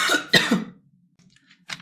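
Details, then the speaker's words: Girl or woman with a bad cough and hoarse voice coughing while talking: two quick, harsh coughs, then quiet breathing and a short throat-clear. A dry cough. "Pera aí, amores. Perdão. Ai, tô com uma tosseca, ruim."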